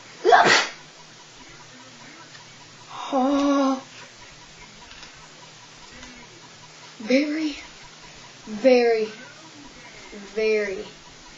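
One sharp, explosive sneeze, followed by several voiced exclamations with laughing, strained sounds between them.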